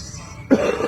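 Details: A smoker who says he is trying to cut down because smoking hinders his workouts gives a single short, rough cough over faint room noise; a smoker's cough.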